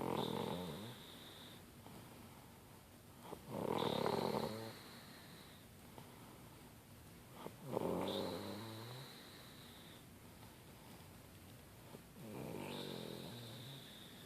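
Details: Regular snoring from a sleeping girl, about every four seconds (roughly 15 breaths a minute), each a rough buzzing rattle on the in-breath, over steady room hiss.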